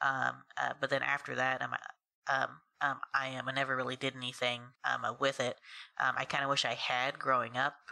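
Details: Adult woman who has stuttered since about age three; a cousin also stuttered, and her family initially thought she was copying him; stuttering.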